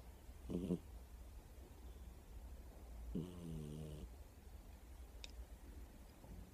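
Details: A sleeping cat snoring, recorded on an iPhone: two soft, low buzzing snores separated by quiet breathing.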